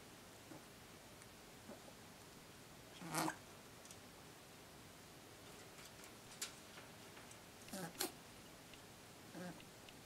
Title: うさぎ ミニレッキス の いびき & 鼻鳴らし Rabbit snore & snort Mini Rex